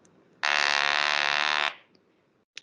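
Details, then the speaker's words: Electrolarynx demonstration: a loud, steady mechanical buzz about a second long from the handheld device. It is placed against the neck as an artificial voice source for speech after total laryngectomy. "Another more common one is the electrolarynx. How this works is that it creates a sound."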